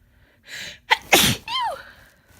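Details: A person with a cold: a sharp inward breath, then one forceful, wet sneeze ending in a falling voiced sound.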